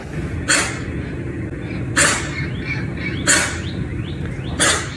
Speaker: you hear there that's a serious case of what's known as kennel cough the respiratory disease prompting one local kennel in Garner to issue a warning